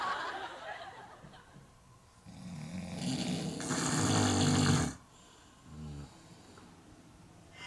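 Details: Adult man snoring heavily while asleep: a loud, rough, rattling snore on a long breath, then a shorter snort, with faint room noise.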